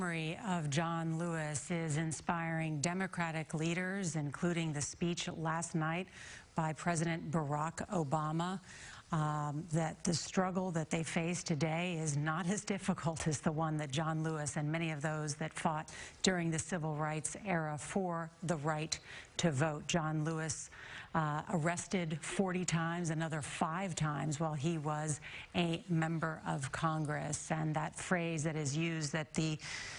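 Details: Adult woman narrating; ordinary speech.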